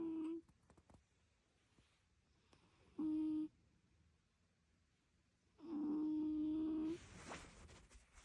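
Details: Cat snoring: steady whistling hum on each breath, about 20 breaths a minute, with quiet room noise between.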